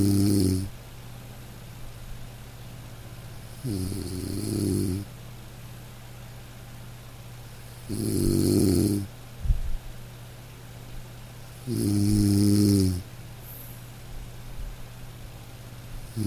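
Four regular rattling snores, about 15 a minute, over soft steady rain; a dog snoring gently in sleep.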